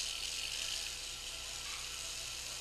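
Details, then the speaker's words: Otologic surgical drill in right tympanoplasty on a 10-year-old girl with complete eardrum perforation from a Q-tip injury: continuous high-pitched whir with steady hiss, drilling down ear canal cartilage to bone to enlarge the canal. "Now, one of the things with this cartilage, see, we can actually drill down some of this cartilage here, and you can see there's actually bone underneath"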